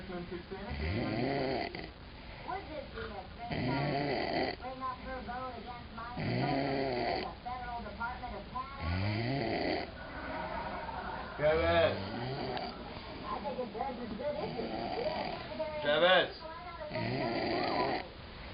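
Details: Heavy snoring: loud, buzzing, rhythmic snores at about 23 per minute, with television talk in the background.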